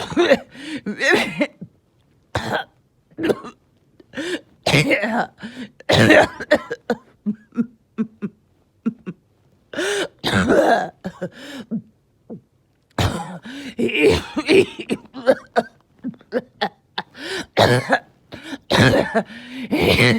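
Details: Adult evening coughing fit that came on suddenly with difficulty breathing after oxygen had been good all day: bursts of harsh repeated coughing and throat clearing with strained vocal sounds between them.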